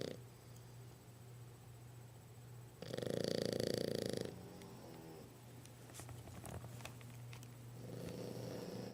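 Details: Two French bulldogs napping: over a steady low hum, one loud buzzing snore of about a second and a half, then a softer one; snoring during sleep.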